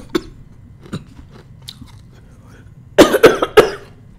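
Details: Adult coughing during ice-eating ASMR: a quick run of three sharp coughs after faint crunching of ice.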